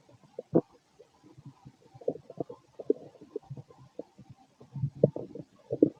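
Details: Adult male's stomach recorded late at night after eating lots of food, feeling gassy and bubbly. Irregular bubbling gurgles and low growls with several louder pops. Ordinary stomach growling (borborygmi).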